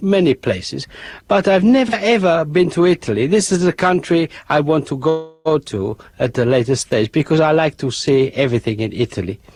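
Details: Adult man, originally with an Essex accent, who after a stroke in October 2003 first slurred, then within days developed an accent heard as Greek or Italian; strong, consistent, fluent foreign accent syndrome.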